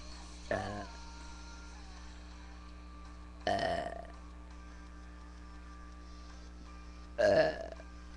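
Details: Three loud, deliberate, practiced belches spaced a few seconds apart, over a steady background hum and faint music; the person reports feeling nauseated from burping so much.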